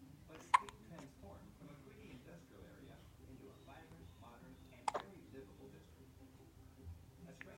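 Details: Hiccups: two sharp, abrupt hiccup sounds about four seconds apart over soft background talk.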